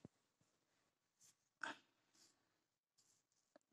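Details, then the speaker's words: Dog with a cough, receiving medicine and a massage to ease the cough: a few short, soft, dry cough-like bursts in a quiet small room; dog cough. "Masats ki para madula ang ubo. Luoy. Luoy ikaw. Na ubo ikaw."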